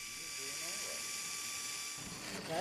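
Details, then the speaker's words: Cranial drill loudly boring the first of four skull holes while an awake patient with Tourette syndrome undergoes deep brain stimulation surgery. "very few people can say they've had a hole drilled in their skull while they're awake"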